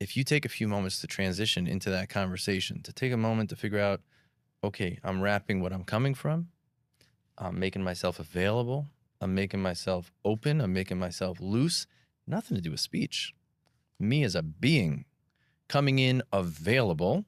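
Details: Adult man speaking; typical speech.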